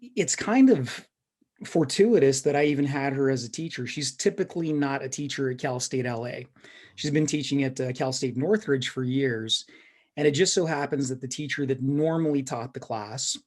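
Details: Adult male speaker; typical speech.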